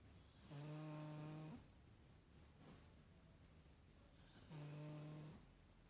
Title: snoring